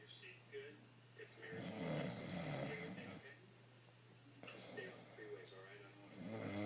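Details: Bryan snoring in his sleep despite saying he doesn't snore: two long, rough, rumbling breaths with a steady low hum behind them.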